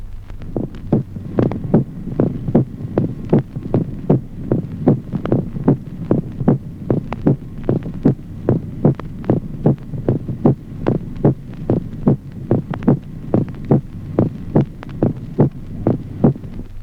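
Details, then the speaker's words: Regular heartbeat near 74 a minute with a prominent, sharp, reinforced second sound in each beat: a loud second heart sound. "Ejemplo 27o. Reforzamiento del segundo ruido cardíaco."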